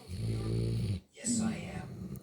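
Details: Brindle Great Dane, awake with eyes open on a sofa, fake snoring: low, rumbling snore-like breaths, one long noisy breath and a second after a brief pause.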